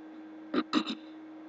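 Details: Three short, abrupt voiced hiccup gulps in quick succession over a steady hum, from a person with persistent hiccups at 3:30 a.m. who is unable to sleep; breathing tricks have not stopped them.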